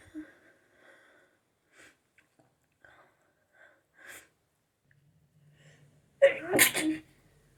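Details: Soft breaths and sniffs building to one loud, explosive sneeze near the end, part of a sneezing fit after a shower.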